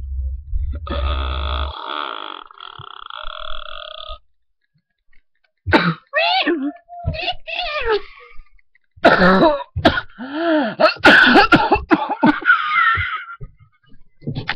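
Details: Person with a really bad cough: several harsh, voiced coughing bursts with throaty, strained sounds between them, after a steady tonal hum.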